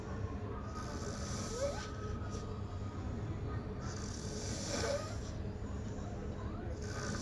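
Low rumbling snores on steady background noise, with two louder rasping breaths a few seconds apart.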